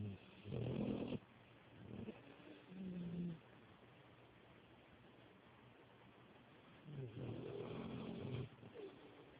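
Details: Loud snoring from a sleeping puppy: low, rough snoring sounds in irregular bursts with quieter gaps between breaths.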